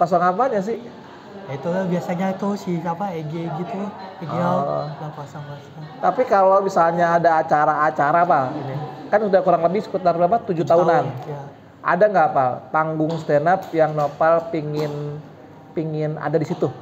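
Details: Adult speaker; typical voice.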